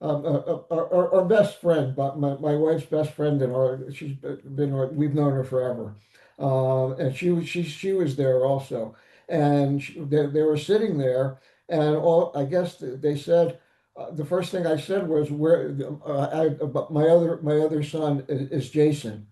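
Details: Adult man with aphasia after ischemic stroke with ARDS and a five-week coma; about 8.5–9 years post-stroke, still in weekly speech therapy; aphasia.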